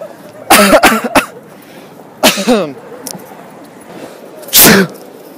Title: Sneezing prank